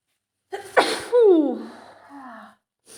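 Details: Female with a mild cold (runny nose, sore throat, sneezy all day): single sneeze with a quick inhaled build-up, sharp burst, then a falling voiced tail.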